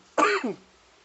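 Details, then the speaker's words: Man outdoors coughing after inhaling strong smoke that went down the wrong pipe: one harsh, throaty cough burst, close to a throat clear. "Oh, sorry if I'm coughing. Or RP ears. Holy shit. I'm not sure how, but it went down the wrong pipe somehow."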